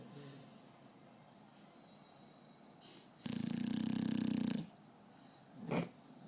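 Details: Adult snoring: a single loud, buzzing, rattling snore lasting about a second and a half, then a brief snort, over quiet room noise.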